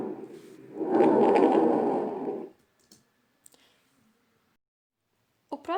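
One loud, harsh blowing breath sound lasting about two seconds, then near silence and a brief voice at the end: a normal tracheal breath sound.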